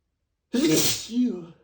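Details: Single loud, sudden spraying sneeze that left the mirror needing cleaning: one burst after silence, with a brief voiced tail as it fades.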